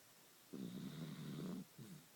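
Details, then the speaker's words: Dachshund sleeping soundly after eating two Boston cream pie cupcakes off the table the day before: a low, rumbling snore on the in-breath followed by a shorter second snore, snoring. "nora's very sleepy she's a very snorri dog"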